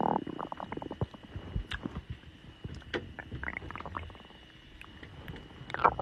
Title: tiktok girl's stomach growling 6